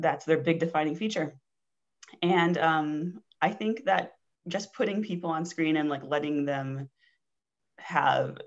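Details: Adult woman who has stuttered since age four, with childhood speech therapy and later avoidance reduction therapy, describing herself as having been very good at hiding it (covert stuttering); stuttering.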